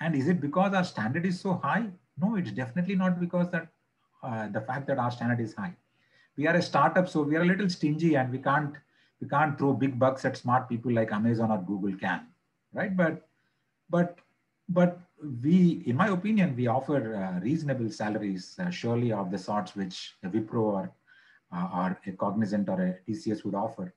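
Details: Stuttering in an adult man who stammers; he reports blocking on words and stuttering invariably under pressure.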